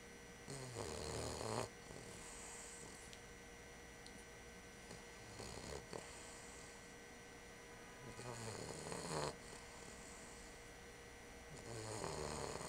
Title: Bubba Snoring!!